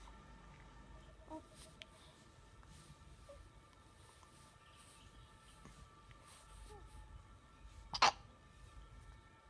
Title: hiccup